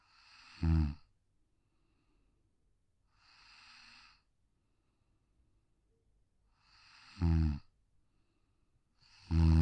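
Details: Pug (brachycephalic, short-muzzled breed) asleep on a deck: soft, low, rumbling snores with snorty breaths, about 28 breaths a minute; snoring.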